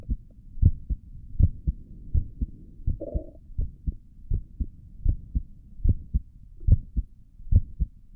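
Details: Adult's own resting heartbeat recorded through a stethoscope on the chest: steady, regular low thuds at about 72 beats a minute; normal heartbeat.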